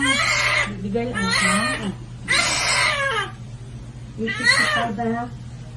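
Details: Baby girl crying loudly right after birth: four strong wailing cries over a steady background hum; vigorous newborn crying, a healthy sign.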